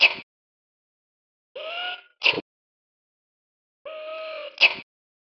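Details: Young hippo sneezing twice: each sneeze a brief whining in-breath followed by a sharp, explosive burst.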